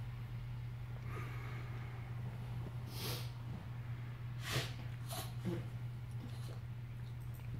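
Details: Chihuahua sneezing several times in a row: quick, sharp sneezes over a steady low background hum; repeated sneezing.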